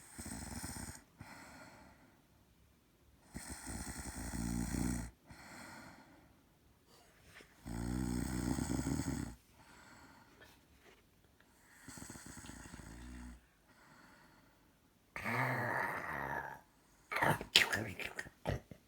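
Loud, rough snores with some snorting, about one every few seconds, separated by quiet pauses. Snoring.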